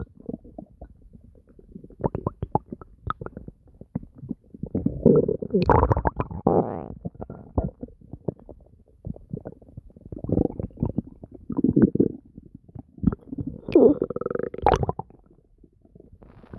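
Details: Active bowel sounds (borborygmi): frequent wet gurgles and deep drawn-out growls from the belly.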